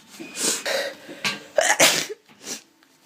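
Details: Several sharp, explosive sneezes in quick succession with breathy intakes between, from an adult woman who reports being sick with a very blocked nose and headache.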